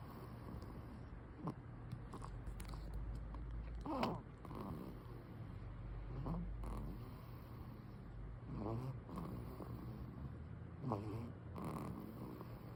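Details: Soft, low rattling snores with breaths from a baby napping, against quiet room noise; infant snoring.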